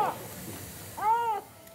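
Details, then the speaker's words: Baby crying in an emergency department during treatment; brief strong wail over room noise, taken as a good sign he is awake and alert. "he's crying really well over there which is good okay that's a good sign that he's you know awake enough that he's upset at all the mean things that we're doing to him"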